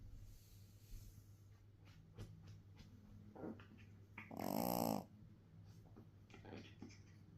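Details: A small Yorkie dog's soft, noisy breathing builds to one loud, rattling nasal snore midway, over a steady low background hum: snoring.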